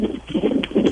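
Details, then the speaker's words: Twin fetal heartbeats on a fetal monitor on the day of birth, heard faintly over a phone line: fast, galloping whooshing pulses, two heartbeats. "You want to hear the kids' heartbeats? By the way, they're hooked up to the machine."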